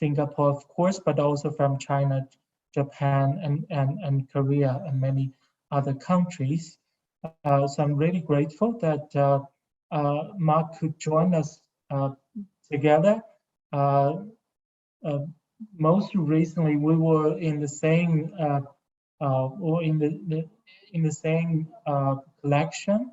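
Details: Adult male speaker; ordinary speech.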